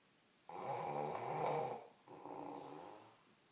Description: My mom snoring